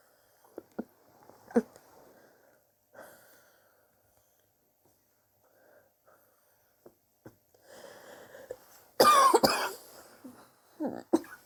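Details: Persistent cough over recent weeks, suspected but unconfirmed bronchitis, with chest x-ray planned to check for pneumonia; scattered coughs with quiet stretches between, ending in a loud harsh coughing burst.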